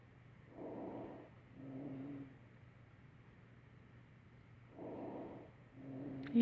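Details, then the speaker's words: Simulated breathing on a mannequin with low-pitched, snoring musical tones on exhalation, less musical than a wheeze: rhonchi, pointing to secretions in larger airways. "has a little bit of musical tone, but not as much as a wheezing."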